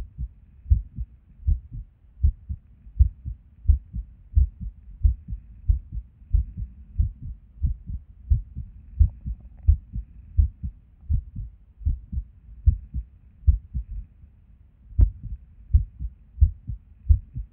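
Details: Resting heartbeat recorded at Erb's point while sitting at a desk, described as skippy lately: heart sounds about 88 a minute with uneven rhythm and occasional pauses, as with skipped beats.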